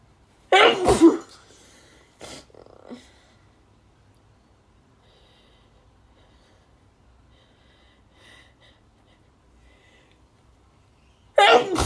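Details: Woman's loud harsh dust sneezes: two explosive sneezes with a brief lead-in breath between, in a quiet room.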